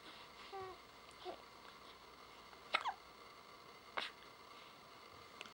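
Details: Day 40: two sharp, brief hiccups with fainter squeaks in a quiet room.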